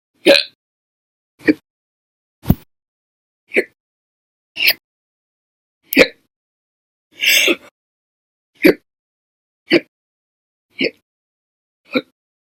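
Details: Eleven short, sharp hiccups at roughly one-second intervals, about 55 a minute, audio-only recording; repeated hiccups.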